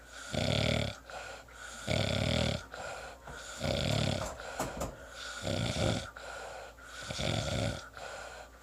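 Loud, rough snoring with a long rattling sound on each breath, about six breaths in the stretch, some breaths coming in two parts.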